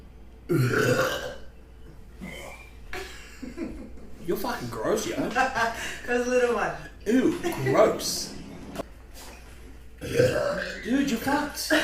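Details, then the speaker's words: Men burping during a talk-show conversation, one after drinking kombucha: several loud, drawn-out belches amid talking and laughing. "excuse me this kombucha sorry keep going through this pandemic uh oh my God excuse me let one rip"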